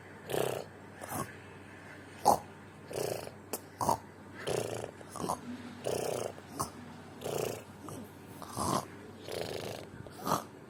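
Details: A sleeper makes short, irregular snorting snores and puffs, at times several per second, in a fairly quiet room: snoring.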